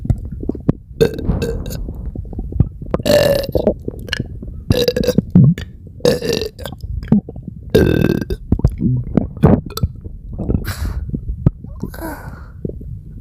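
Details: Several huge, loud burps with low gurgling and rumbling stomachache sounds from the belly between them, fitting gassy digestive upset; belching with stomach rumbling.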